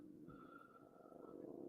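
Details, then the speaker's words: Adult man's stomach, described as not feeling good that day, heard during a live stream: a quiet, drawn-out gurgling squeal with a steady whistling pitch and low bubbling underneath; stomach rumbling (borborygmi). "God you can hear my stomach it's going mental today stomach is not feeling good today I'll tell you that"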